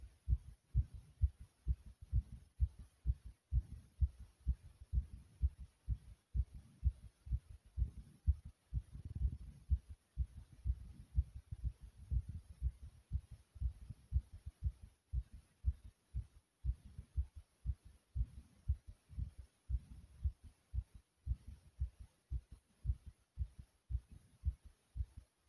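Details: Loud, thumpy heartbeat of the uploader: deep, regular lub-dub thumps throughout with a faint steady hum behind.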